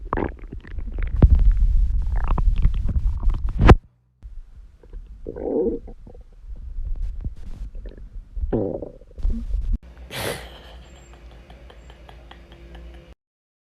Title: tiktok girl stomach growl 3